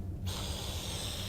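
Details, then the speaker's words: Brief silence, then a steady airy hiss over a low hum as a wall suction unit is switched on to prepare tracheostomy suctioning, with suction set between 80 and 120. "now I'm going to set up my suction I'm going to turn this on and"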